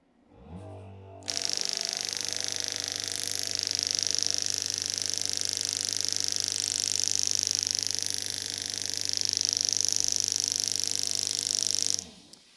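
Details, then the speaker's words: Radial shockwave therapy demonstration on the sole of the foot for plantar fasciitis: the wand is applied over gel, making rapid hissing, buzzing taps about three or four per second. "so what we would do is we would put a little bit of gel on the bottom of the foot and then we would take our wand and typically we'll start at a low"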